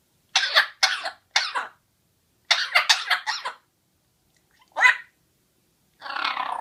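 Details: Two bursts of short harsh coughs, three then four in quick succession, followed by a single cough and a longer rasping sound.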